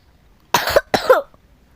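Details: Child who says they keep coughing, while narrating a Roblox game: two quick, loud, harsh coughs in a row.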